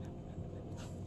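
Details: Rapid, shallow panting from a puppy lying down inside a shop on a very hot afternoon, the heat making it pant.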